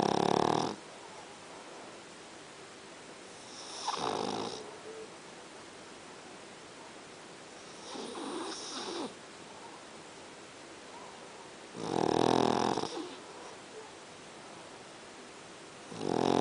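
Rough, rattling snores in a quiet room, about four in 16 seconds, each lasting under a second, with soft noise between.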